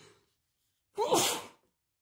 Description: Just me sneezing my head off :D